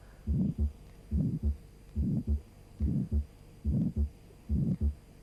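Regular heartbeat at about 71 a minute, with a harsh murmur swelling and fading between the first and second sounds: the systolic ejection murmur of aortic stenosis.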